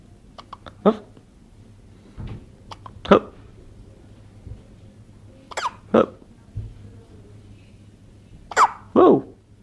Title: is having a hiccups :)